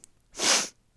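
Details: Sneeze from a speaker who mentions a recent cold with nasal drainage and a raspy voice.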